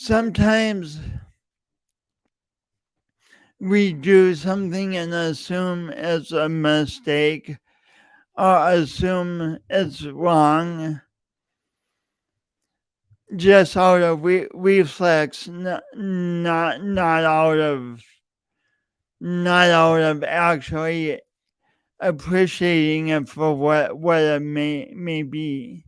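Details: Real, self-reported speech impediment in an adult male, present for years and heard whenever he speaks; speech disfluency with word and phrase repetitions.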